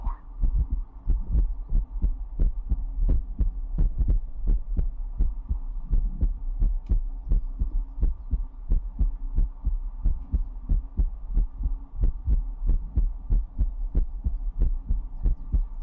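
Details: ASMR heartbeat sound: steady, regular low thumps at about 90 beats a minute over a faint hum; normal heartbeat.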